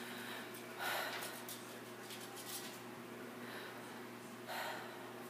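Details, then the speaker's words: Stethoscope auscultation of the lung fields during a physical assessment while the patient breathes deeply in and out: soft, even sounds, clear and symmetric, with no crackles or wheeze. These are normal breath sounds. "Nice and clear. Symmetric."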